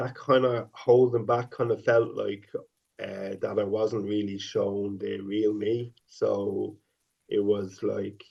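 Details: 50-year-old man who has stuttered since age five; stuttering with sound repetitions and prolongations.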